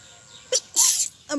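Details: Woman filming her own sneezing outdoors; a nosebleed followed later: a quick catch of breath, then a sharp hissing sneeze burst with faint background noise.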